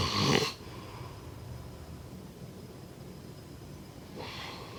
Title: #snoring #snoringsleepingsoundeffect #snoringsounds #snoringasmr